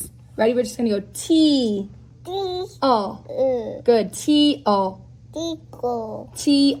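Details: Child with childhood apraxia of speech attempting a single word: groping, inconsistent vowel errors, effortful hard-to-understand speech, equal stress, and productions that differ each attempt, with a consonant lost then regained.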